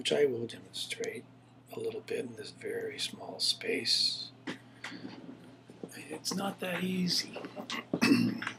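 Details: Adult man with Parkinson's Plus (atypical parkinsonian disorder), onset 2005, nearly 5 years into the disease, before later DBS surgery, with real hypokinetic-type dysarthria (atypical parkinsonism).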